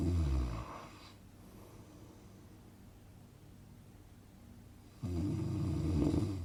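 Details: Relaxing snoring sound-effect recording for sleep: quiet breathing, then a single low, rough snore of about one and a half seconds; snoring.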